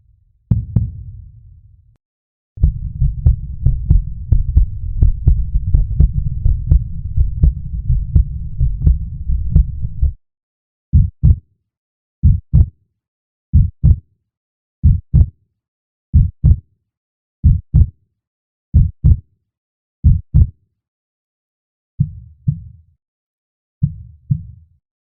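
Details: Heartbeat sound effect, described as a baby's heartbeat in the mother's womb: fast muffled whooshing pulses near 150 a minute, then slower deep paired thumps. Fetal heartbeat.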